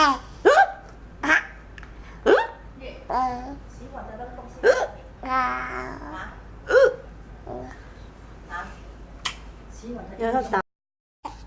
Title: Funny hiccup